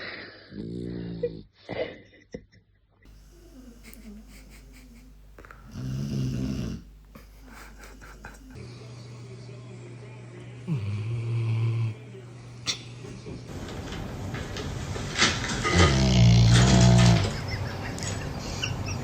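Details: Low rattling snores with each breath from a sleeping puppy, with some room noise between: snoring.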